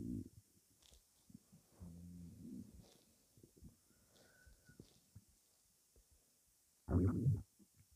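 Low gurgles and rumbles with a louder gassy gurgle near the end; ordinary stomach rumbling from a gassy belly.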